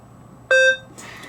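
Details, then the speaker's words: Single short beep from a Maquet Servo-U ventilator as the expiratory hold button is held to measure total PEEP, after an inspiratory hold gave a plateau pressure of 24. "if I hold the inspiratory button in until it beeps it will tell me what the plateau is at 24 next if I hold that expert ory button until it beeps"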